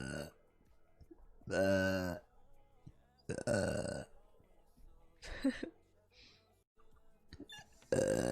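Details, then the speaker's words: Woman burping: several loud, deep, voiced burps, some drawn out, separated by quiet pauses. "um the oh my god dude when i got motion sickness i uh started burping because i need to throw up"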